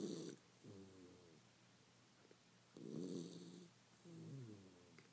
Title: Sleepy Little Beagle Snores Up a Storm